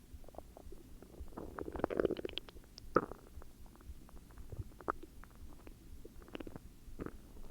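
Gurgling, bubbling and creaking rumbles that rise and fall over several seconds: ordinary stomach growling from gas and fluid moving through the gut.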